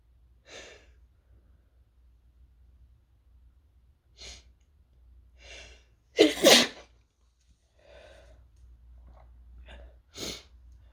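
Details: Several breathy, partly stifled sneezes and one loud full sneeze with sharp inhales between, from a sick person with a sore throat; sneezing triggered by fumes from toasting chili peppers, which were tearing up the throat.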